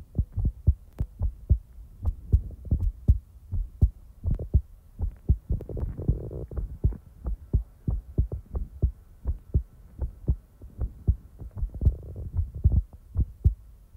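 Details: Real-time heartbeat ASMR recording: steady, regular, low paired lub-dub thumps at about 85 beats a minute with a faint hum behind; a normal heartbeat.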